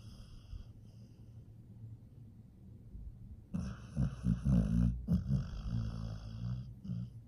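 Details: Pit bull dog asleep: rattling, snorting snores with each breath after a quiet start, over a steady background hum; snoring.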